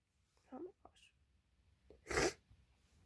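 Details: Single loud, sharp, explosive sneeze after a brief intake of breath in a quiet room, with lots of spray, from a person who says they feel cold.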